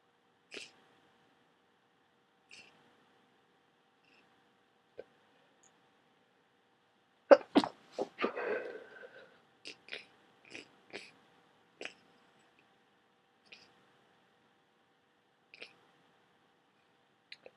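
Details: Massive wet sneezing fit during a head cold: a burst of several quick sneezes in close succession amid sniffles, ending with a huge sneeze and nose blow; a whole box of tissues used that day, cold not drying up.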